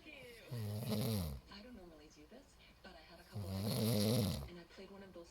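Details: Snoring heard over a TV broadcast: two loud, rattling, drawn-out snores with quieter breathing between them.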